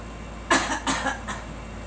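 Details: A girl gives three short, dry coughs in quick succession over a steady low engine-like hum, urged to cough out suspected allergens from flowers; the adult says she hears wheezing: cough.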